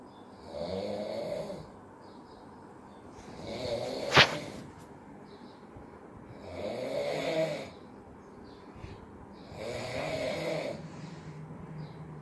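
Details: A sleeping father snoring while being pranked, with four rough fluttering snores on the breath in about every three seconds and a sharp knock between two of them: snoring.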